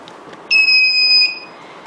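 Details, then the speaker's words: Single sustained high-pitched tone from a Thopaz+ digital chest drainage unit on restarting therapy after canister replacement, asking whether tubing was released; yellow medium-priority alert in a training demo; chest drain device alert. "Todos os alarmes, eles são didáticos, eles têm coloração de prioridade. Esse em amarelo é média prioridade"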